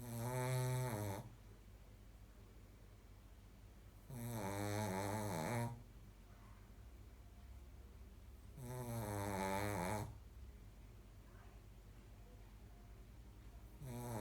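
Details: Sleeping dog: long, loud, buzzing snores about every four seconds, roughly 13 per minute, quiet exhalations between; snoring before being woken.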